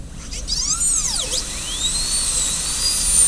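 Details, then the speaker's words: High-pitched whine of a high-speed dental drill, rising and falling in pitch as it starts a class II DO preparation on tooth number 5 of a typodont model, following the central groove. "Okay, so if I'm doing number 5 here, the way we're going to start is start with the burr somewhere around in here, and then we're going to"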